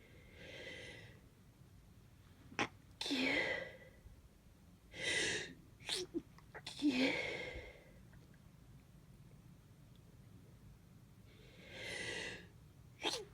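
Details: Several sneezes, some stifled (around friends and family) and some let out (when alone), each preceded by a sharp indrawn breath, in a quiet room; sneezing from a head cold with stuffiness and runny nose, feeling otherwise fine.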